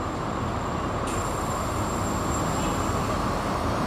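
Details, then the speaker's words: RWD R409 Plus veterinary anesthesia machine with ventilator, after surgery: steady loud rushing hiss as all remaining oxygen is released so no excess pressure stays in the hoses. "Berikutnya kita buang semua oksigen yang ada di mesin,"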